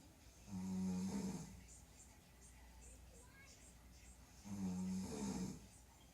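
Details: Two loud, buzzing snores about four seconds apart, each with a rougher tail, separated by quiet room noise; a mother snoring at night: snoring.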